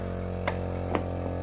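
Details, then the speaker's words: Steady low electric motor hum with a few faint clicks from a DeVilbiss portable suction machine, used as a backup for ear procedures; suction machine running. "you can see how it doesn't sound quite as nice as the hospital but if you unplug it"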